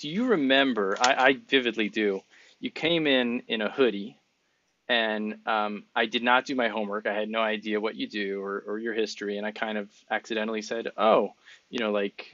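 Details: Adult man speaking; Normal adult speech.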